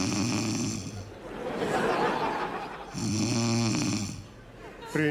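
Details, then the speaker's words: Staged snoring by a female character in a comedy TV sketch ("princesses don't snore"): two loud, rattling, musical, whistling snores separated by noisy breathing, with audience sounds. "Ну что ты опять будешь храпеть? Я не усну опять."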